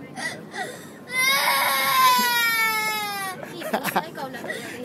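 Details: A young child's sustained high-pitched cry with sobbing breaths, outdoors at Victoria Peak, Hong Kong, with adult voices nearby; an ordinary cry.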